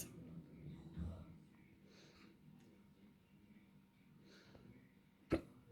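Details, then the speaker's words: Person with hiccups counting aloud toward ten hiccups in a quiet room; one or two sudden, sharp catches in the breath: hiccups. "I have hiccups. 1. I'm going to do 10"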